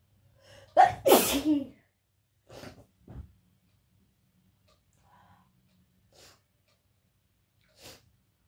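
A loud wet sneeze with a gasping lead-in, followed by a few sniffs and soft nasal breaths.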